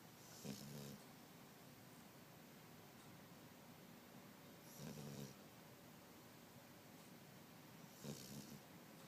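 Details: Snoring during sleep: three soft, low rattling snores, roughly every four seconds, over steady room noise.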